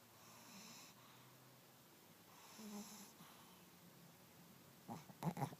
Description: Pekineses and Chihuahua mix snoring